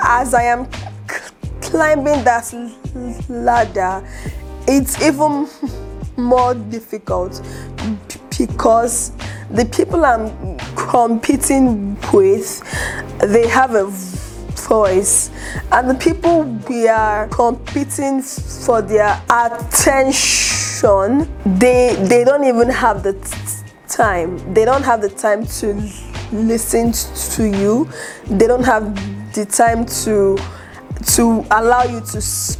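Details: Adult woman, aspiring public speaker, who stutters and reports secondary movements (mouth shaking, eye twitching) and word-avoidance; has just started speech therapy; stuttering.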